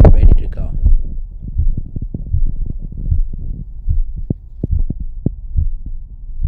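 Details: Low, steady heart thumps at about 80 beats a minute, heard on the chest through a Bluetooth wireless noise-cancelling amplified stethoscope paired to AirPods, with faint background music; normal heart sounds.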